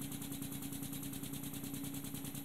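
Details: High-frequency oscillatory ventilator running, demonstrated by a physician at Boston Children's Hospital while bias flow is adjusted between 20 and 30 L/min: fast, steady mechanical buzzing and fluttering.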